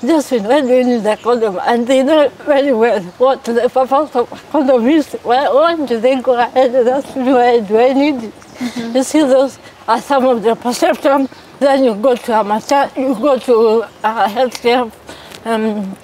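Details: 33-year-old woman born with cerebral palsy; dysarthric speech in cerebral palsy.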